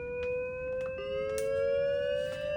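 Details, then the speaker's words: Steady electronic tone slowly climbing in pitch with faint handling noise: a LIFEPAK 15/20 defibrillator charging on a simulator before manual defibrillation, CPR continuing during charge. "And so once your energy is selected per your physician or per your ACLS protocol, we're going to charge it up."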